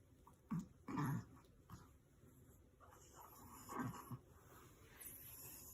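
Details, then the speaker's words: Sleeping Russian chihuahua, described as having a stuffed nose, snoring: short, irregular snorting snores with soft grunting breaths. "Snoring captain Vitya is coming... The engine is starting !!sound caution!!"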